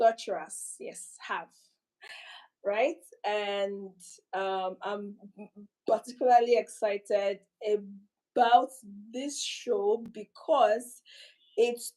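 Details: Adult speaker; stuttering.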